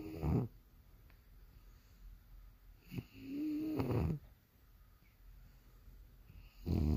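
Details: Sleeping bulldog snoring: low, fluttering snores, about three in seven seconds, with quiet pauses between; steady snoring in sleep.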